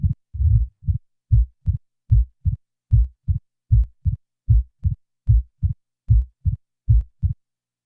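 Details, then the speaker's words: Simulated mitral stenosis heartbeat near 76 a minute, after the diastolic murmur is removed: a crisp extra early-diastolic opening snap remains. "now the murmur is removed leaving the opening"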